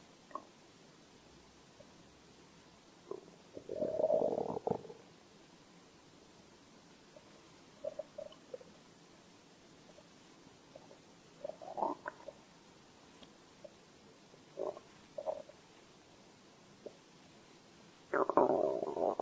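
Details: Stomach growl recorded as a hunger sound: scattered gurgles and longer rumbling growls from the belly over a quiet background, ordinary borborygmi.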